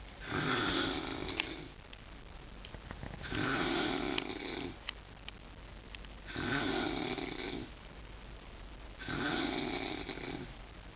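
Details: Loudest snoring: four long, rasping, noisy breaths at about 20 a minute with quiet pauses between; steady snoring.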